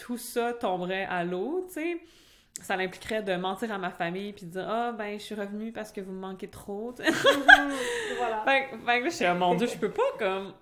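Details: Stuttering in an adult French-speaking (Québec) woman who stutters, which began in childhood; she also had a speech sound disorder as a young child.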